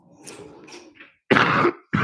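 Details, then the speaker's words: A low, rattly throat-clearing rumble, then a loud harsh cough burst and the start of another: an adult's congested cough during a live stream, around smoking. "Y'all gonna hear how congested my cough sounds. If you didn't already, just hear it."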